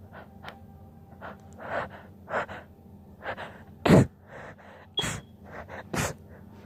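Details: Short breathy gasps and stifled bursts as she tries to hold back sneezing, with several sharp suppressed sneezes in quick succession: suppressed sneezing.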